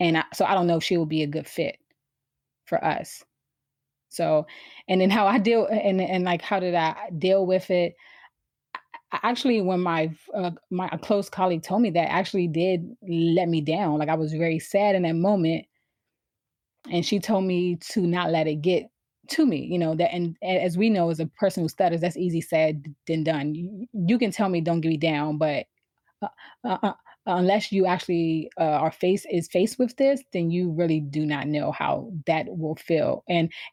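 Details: Adult woman who has stuttered since she began speaking, around age four or five; stuttering.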